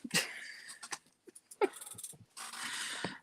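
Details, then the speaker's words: Cat with hay fever: a few brief, sharp nasal bursts spaced over about three seconds against faint room noise; sneezing. "If you can hear sneezing, that's my cat. He's got hay fever."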